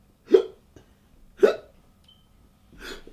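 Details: Three abrupt, short voiced hiccups about a second apart, acted by a performer in a comedy sketch rather than real.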